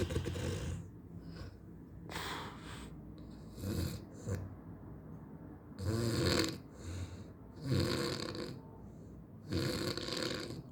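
Loud, rough snores repeating at irregular intervals, several within ten seconds, with low rattling breaths in between. Typical heavy snoring.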